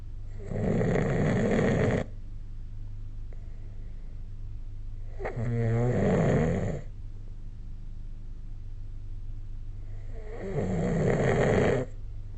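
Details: Snoring during sleep recorded with the SnoreLab app: three loud, rattling snores on inhaled breaths, about five breaths a minute, with snorts and steady room hum between.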